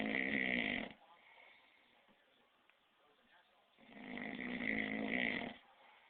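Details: Two loud, rough, rattling snores separated by a few seconds of quiet breathing; snoring.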